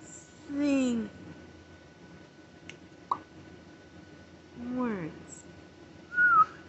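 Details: Parent in a quiet room during a tic attack that began after a stressful day, while on antibiotics, steroids and Tylenol for an ear infection and off Benadryl: brief whistle-like squeaks, a click and hiccup-like yelps, all vocal tics.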